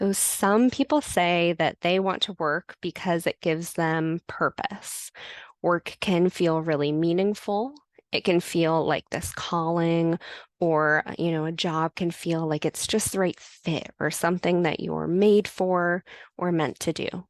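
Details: Adult woman; typical speech.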